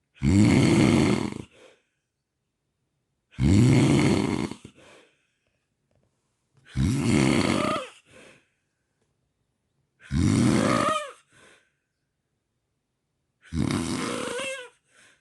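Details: Loud, harsh snores with silent pauses between them, about 18 a minute, each followed by a short gasping release; snoring with sleep apnea, recorded over four nights.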